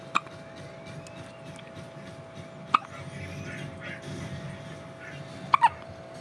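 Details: 5-day-old infant with hiccups: brief sharp hiccup clicks at irregular intervals, four within about six seconds, over a steady background hum.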